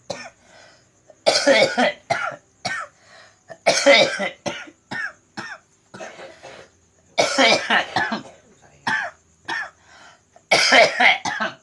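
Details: Man with a cough attributed to supernatural disturbance: about four clusters of harsh, forceful coughs, several each, with brief pauses; persistent cough.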